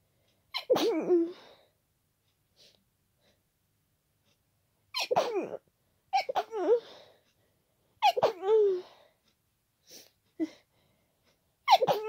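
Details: Several forceful, very wet, powerful sneezes in a row with brief inward breaths and pauses between them, described as unstifled and tickly; repeated sneezing during an ongoing cold.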